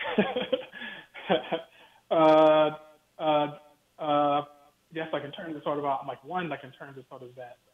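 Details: Stuttering in an adult man with a lifelong stutter he has worked his whole life to overcome, heard during an interview; the format is described as difficult for him because he relies on visual cues.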